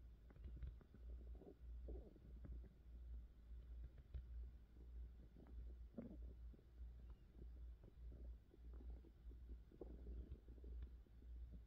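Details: ASMR close recording of ordinary stomach growling during digestion and hunger: soft, low gurgles and rumbles that come and go over a steady low hum.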